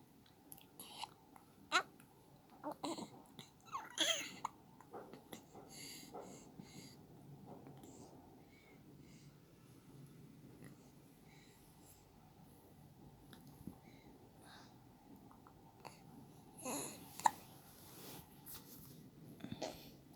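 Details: Infant with hiccups: a few short, sharp catching sounds with soft breathy noises between them.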